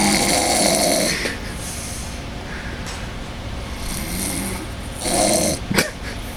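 Two loud rough snoring breaths about four seconds apart, with quieter breathing between; snoring.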